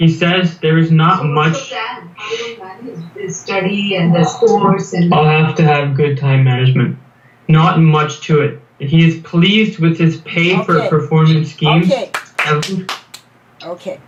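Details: Stuttering (stammering) in a 19-year-old male US college student reading a passage aloud. He has stammered as long as he remembers, and the problems reportedly began at age 8 after adenoid removal. His blocks occur mostly on m and b sounds.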